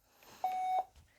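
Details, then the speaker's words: Philips HeartStart AED (automated external defibrillator) user self-test: a single steady electronic beep prompting button presses; the test runs a few seconds, then the defibrillator is ready for use. "it will then take a few seconds just to go through the test defib is now ready for use"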